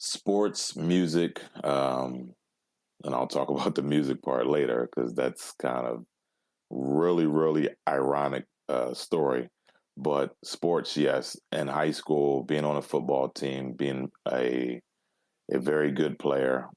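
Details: Adult male with overt stuttering who blocks on everything, then breathes and moves on; stutters even when alone, had about 20 years of speech therapy, and 'p' sounds once came out like a kiss; stuttering.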